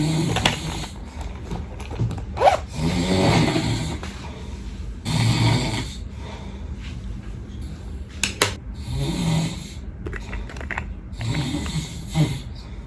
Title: HOW LOUD DOES MY HUSBAND SNORE + early morning make up :)